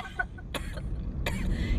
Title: beautiful girl coughing and having hiccups 😍